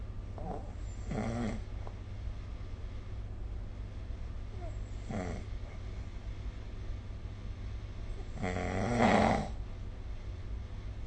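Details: Snoring in sleep recorded with a smartphone snore-recording app: three rough, rattling snores on in-breaths, several seconds apart, over a steady low room hum.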